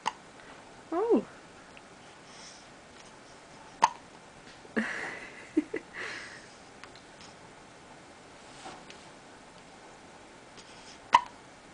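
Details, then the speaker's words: A person with hiccups around sleep time: several sharp, abrupt hiccups at irregular intervals in a quiet room, some with a brief voiced catch. "Uh-oh. You got the hiccups?"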